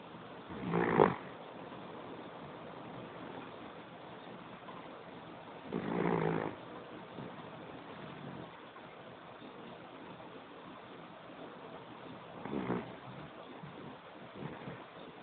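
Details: Sleeping puppy on a couch, snoring: slow, rough, rattling breath noises recurring about every six seconds over steady background hiss.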